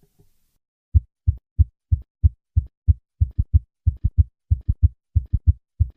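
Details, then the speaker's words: Summation gallop: three normal beats, then a single loud extra diastolic sound where the third and fourth heart sounds superimpose, heard best at the cardiac apex with the patient in left lateral position. "listen to a patient with a summation gallop I will start with three normal beats and then add the summation gallop summation gallops are usually heard best at the cardiac apex with the patient in the left lateral position"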